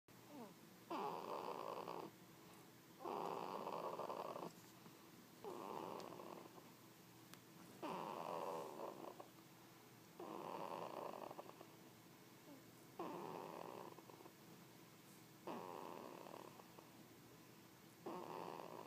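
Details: 20-day-old newborn boy asleep: soft, purring, rattly noises with each breath, about 24 breaths a minute; parents unsure whether snoring or vocalizations; noisy breathing in sleep.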